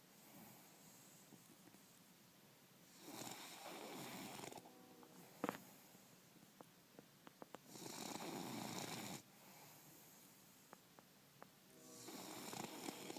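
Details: Sleeping bulldog: rough, rattling, snorting snores on each breath, about 14 a minute, with wet clicks between breaths; snoring.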